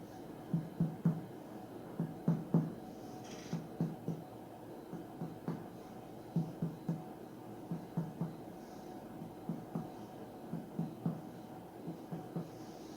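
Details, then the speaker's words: Percussion across the whole abdominal wall during a physical examination: pairs of hollow finger taps give a resonant, drum-like tympanic note, judged normal. "suaranya terdengar timpani yang hanya itu normal"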